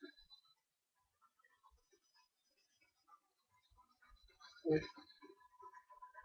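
A single short, harsh cough bursts out against quiet room clicks, an irritant cough after inhaling smoke.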